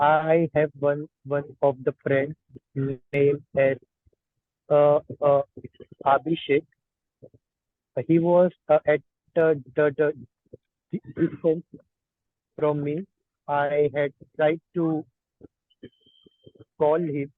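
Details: Participant in a stammering therapy course practicing cancellation and pullout techniques, who stutters on many words including those starting with A; stuttering.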